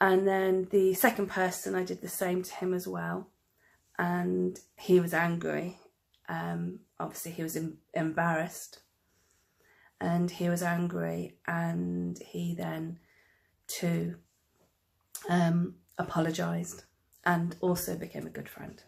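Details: Adult woman who stammers, real stammering; finding: stammering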